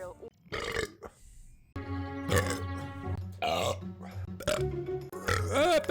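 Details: A compilation of burps: several loud, drawn-out, croaky belches one after another over background music.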